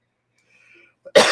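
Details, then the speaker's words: Adult woman with a sinus infection and a dry throat, coughing while speaking during a live talk: cough. "As you can probably hear from my voice, I got a sinus infection. My voice my throat's all dry. I'm having a hard time here.""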